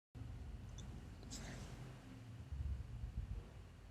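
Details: Educational breath-sound recording: soft, low-pitched, steady breath noise with no gap between phases; normal vesicular breath sounds.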